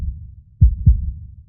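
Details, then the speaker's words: Simulated pulsatile tinnitus, a rhythmic sound matching the heartbeat heard in the ears: two low, dull heartbeat-like thumps over a faint low rumble. "संभव है कि आप एक प्रकार के स्पंदनशील टिनिटस का अनुभव कर रहे हैं, और यह दिल की धड़कन, चक्कर आना या हूशिंग के रूप में आ सकता है ।"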